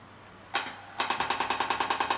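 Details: Sharp, rapid clicking pulses, about ten a second after a single shot, from a radial shockwave therapy device used on musculoskeletal pain, with a coupling medium on cleaned skin; back pain and plantar fasciitis treatment described.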